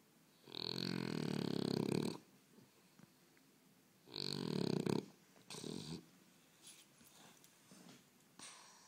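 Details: Sleeping dog snoring: two long, rough, rumbling snores on inhaled breaths, with softer snuffling noises between; snoring.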